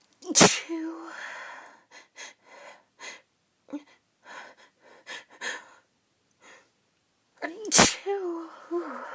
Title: Uncovered Sneezes (F)